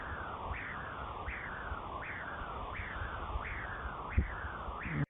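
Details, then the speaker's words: Transcranial Doppler signal, high-pitched, from the middle cerebral artery of a critically ill child on mechanical ventilation; a positive waveform with high flow velocities. "A continuación quiero que escuchen porque es un sonido agudo y a veces es más importante escuchar que ver para poder insonar."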